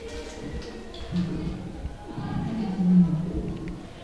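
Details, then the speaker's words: Patient taking deep breaths, stethoscope auscultation: two long, low, snoring-like continuous sounds over successive breaths, in both inspiration and expiration: low-pitched wheezes (rhonchi). "It is low pitch wheezes. And it is, what is it? Low pitch wheezes are continuous"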